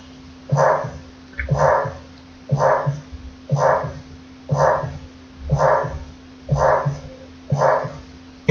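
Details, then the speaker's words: Aortic stenosis murmur heard at the aortic focus, radiating to the carotids and apex, described as diamond-shaped: regular heartbeat near 60 a minute with a harsh crescendo-decrescendo murmur after each first sound. "se describe como en forma de diamante y es importante que lo conozcan por esto que vamos a escuchar una grabación de un soplo aórtico de un estenosis a bordo"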